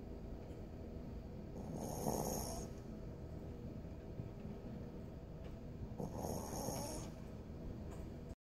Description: This is my 5-month old Shihtzu boy sleeping soundly and caught snoring on camera